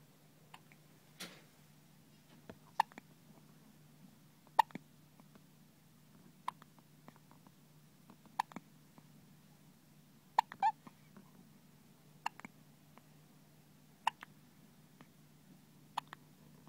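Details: Soft, sharp clicking hiccups recurring about every two seconds, roughly 30 a minute, over a steady low hum: repeated hiccups.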